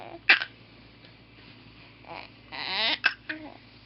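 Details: Baby boy with hiccups: short, abrupt, jerky voiced catches between soft baby sounds, three in a few seconds; infant hiccups.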